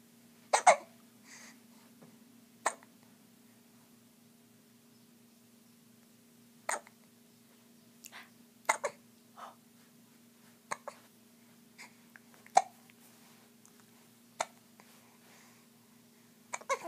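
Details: Person hiccuping: short, sharp hiccups recur every one to two seconds, about ten in all, over a steady background hum.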